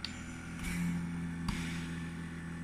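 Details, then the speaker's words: Zen-O portable oxygen concentrator on continuous flow at 2 L/min with a mask, for a person with cerebral palsy, used during chest infections. A steady low motor hum with a soft pulse of air. "I only needed it to go up to 2 continuously and that's how loud it is so yeah there's knows that's how loud it is"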